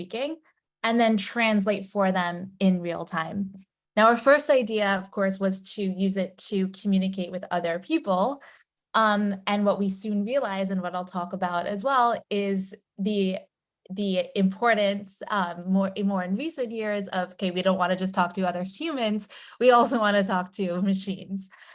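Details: Adult woman; typical speech.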